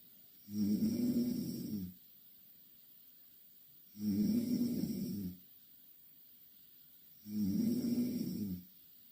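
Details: Steady snoring: three regular low, vibrating snores on each breath in, about 20 breaths a minute, with quiet pauses between.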